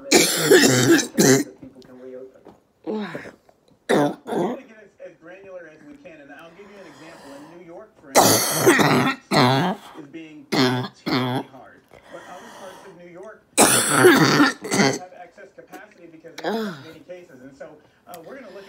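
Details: Female orthopedic surgeon recovering from COVID-19 at home, evening of day 16, with a sudden onset of choking as a major mucus plug dislodges: harsh, wet coughing bursts and throat clearing with gasping, strained breaths; a coughing fit.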